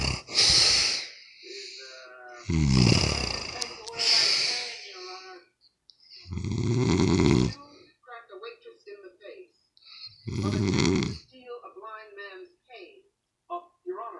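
Loud, rough, rattling inhaled snores about 16 a minute with quieter sputtering breaths between them; irregular snoring.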